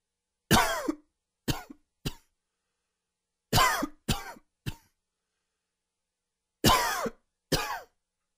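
Three short bouts of dry coughing, eight coughs in all, each with a tight, whistling wheezy edge.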